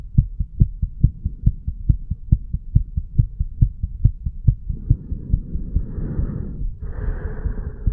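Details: Heartbeat of a 35-year-old man recorded over his own chest while sick and detoxing, first at the tricuspid area and then at the mitral area: regular, fast heartbeat at about 140 beats a minute, later partly covered by breathing sounds.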